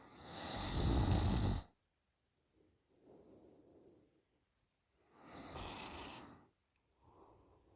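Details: Loud snoring in a 20-year-old girl during sleep: rattling snores on the in-breath with quieter out-breaths, about two breath cycles in under eight seconds.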